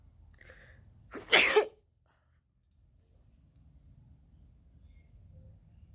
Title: Wide Nose Sneezes Africa.